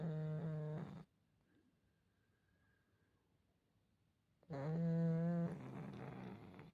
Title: listen carefully snoring 😴😴#cute #dogs #pug #sleep